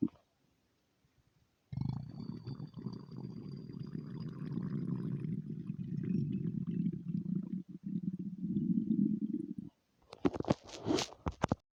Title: another long stomach rumble